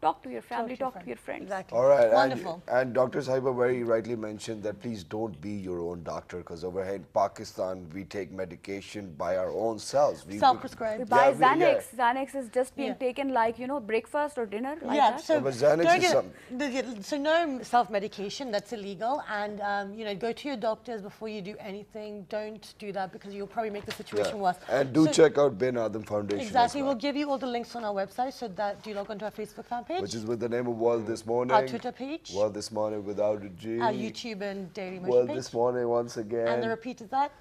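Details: Adult television host; normal speech.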